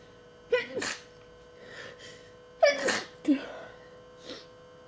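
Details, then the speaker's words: Repeated sneezing during the tail end of a long allergy attack of unknown trigger: two sneezes, each a sharp inward catch then an explosive burst, with softer breathing between. "God, allergies suck. Oh, God. I don't know what is making me sneeze, but my allergies are insane."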